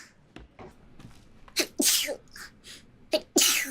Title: 재채기 모음